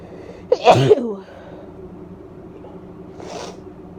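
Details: Female with bronchitis sneezing; sneezing.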